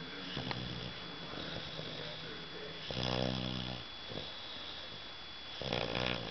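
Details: Two low, rattling snore sounds over steady room noise; snoring.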